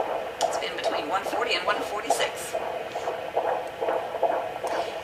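Rapid, rhythmic whooshing pulses at about 143 per minute over faint background hiss: a normal term fetal heartbeat on Doppler, rate in the 140s.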